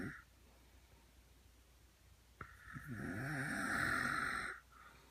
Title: Dog snoring just like owner snores - rat terrier and human synchronized snoring